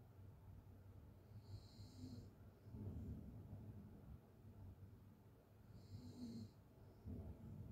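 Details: Sleeping person's open-mouth snoring from a long snoring recording that mentions sleep apnea and mixed-in white noise: low rattling snores on each inhalation, roughly every four seconds, with a breathy whistle; snoring.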